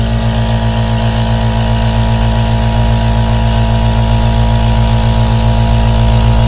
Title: 💦 3D ASMR AEROSOL NEBULIZER for Deep Sleep| Insomnia| Colic | Meditation